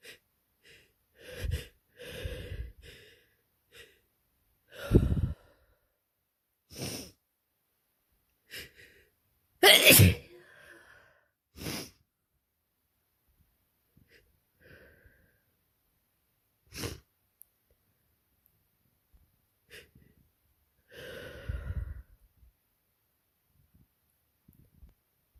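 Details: Real-time allergy sneezing fit in spring after a window was left open for hours: an adult sneezes repeatedly, about seven or eight sharp bursts.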